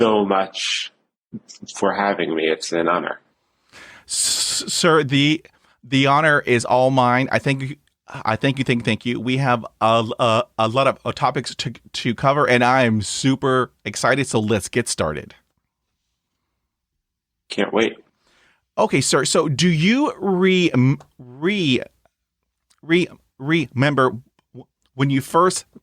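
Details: Adult male who stutters since age seven, severe, with blocks, repetitions and secondary facial behaviours; stuttering.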